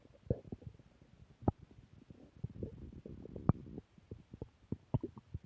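Low gurgling rumbles and irregular bubbling pops from the abdomen: ordinary stomach growling, a normal bowel sound.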